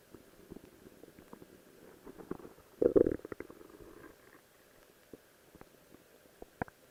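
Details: Soft gurgling and a brief louder rumbling burst from the belly: ordinary stomach growling, recorded while wearing a cosplay outfit.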